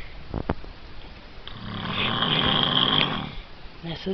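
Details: Male snoring in sleep: a single long, rough, rattling snore builds and fades over about two seconds, with a high whistling edge at its peak; room noise around it; ordinary snoring.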